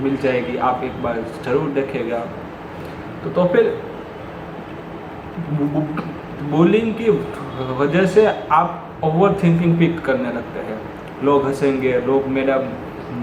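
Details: Adult man who stammers, natural speech about school; stuttering.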